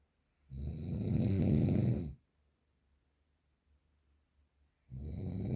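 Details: Real, unprocessed recording of very strong snoring: loud, harsh, vibrating inward snores lasting over a second, with silent pauses between them.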